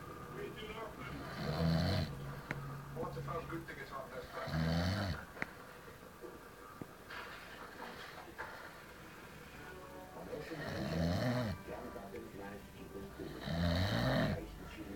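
Loud, rough snores recur every few seconds, with quieter breaths between, against faint room noise; ordinary snoring.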